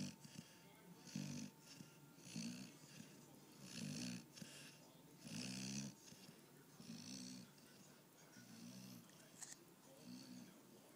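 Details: A pitbull, American bulldog and boxer mix dog napping on the couch, snoring rhythmically and softly, about eight snores in eleven seconds, with a faint steady room hum.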